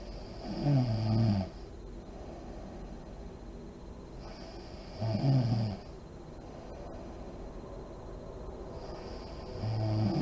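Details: Adult woman (mother) snoring in deep REM sleep with lights on, with deep breathing and lip blowing: low, rattling snores on each breath in, about 14 a minute, quiet breathing between.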